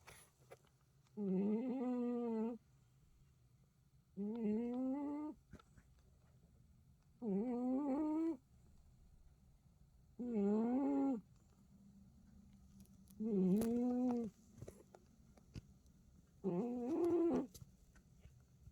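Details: Peacefully sleeping cat snoring: six regular, wavering, tuneful snores about 20 a minute, each lasting about a second, in a quiet room.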